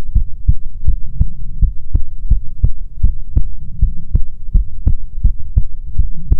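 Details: ASMR heartbeat recording: steady, regular, deep thumping heartbeats with a soft background hum; heartbeat.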